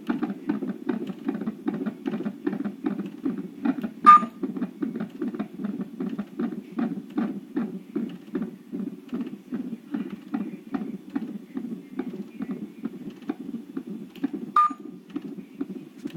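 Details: Non-stress test (CTG) at 38 weeks of pregnancy, ordered twice weekly for a baby measuring large and rapid maternal weight gain: rapid, regular fetal heartbeat on Doppler at roughly 140 per minute, with beeps marking movements the mother felt.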